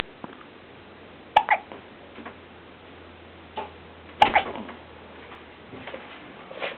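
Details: Male with hiccups: two abrupt, brief gulping sounds about three seconds apart over faint room noise.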